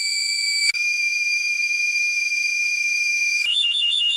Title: Dental X Ray Machine Beep Sound Effect